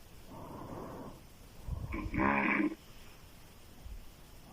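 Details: Adult woman snoring loudly through an open mouth during sleep: a breathy inhalation, then a loud, harsh, fluttering snore.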